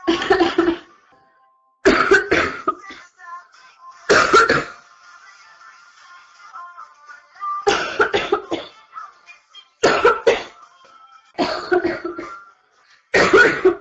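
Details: A girl coughs through a livestream early in what becomes a severe chest cold, with repeated harsh cough bursts in quick clusters and faint background music between.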